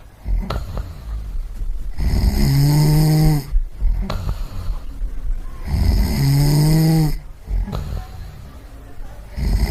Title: Snoring Sound Effect (1 hour)